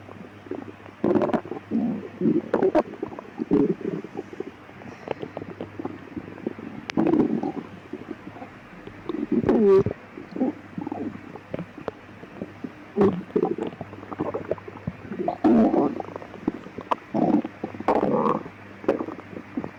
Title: stomach growling in the midnight